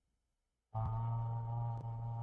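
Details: Right unilateral vocal fold paralysis with medium glottal gap, voice before injection treatment; weak, breathy voice; breathy voice from unilateral vocal fold paralysis.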